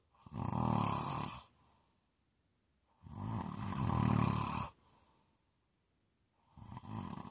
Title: ASMR snoring